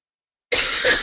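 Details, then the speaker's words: Adult coughing during a live webinar: after half a second of silence, a short burst of harsh, noisy coughing with two close expulsions; an ordinary cough. "coughing I'm so so sorry I know that sounds horrible when it comes to cross your speakers"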